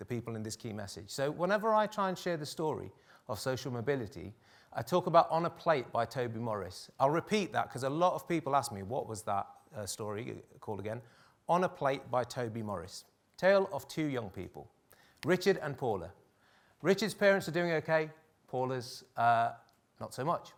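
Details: Adult male speaker; normal speech.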